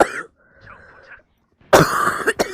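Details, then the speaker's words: Girl with a cold who says she is coughing a lot: a short throat-clearing, a pause, then a harsh cough burst followed by a second quick cough. "제 가 지금 감기 에 걸려서 기침 을 많이 해 요 . 양해 부탁 드립니다 ."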